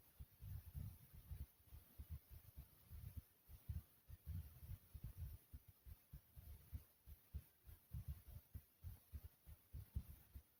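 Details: A person's own normal heartbeat, described as smooth and soothing: low, muffled adult heart thumps repeating steadily under a faint hiss.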